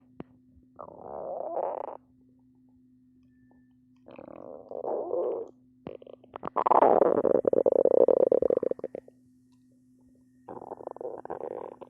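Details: Stomach growling (borborygmi), belly growling a lot and not stopping: repeated gurgling, rumbling bursts from gas and fluid moving through the gut.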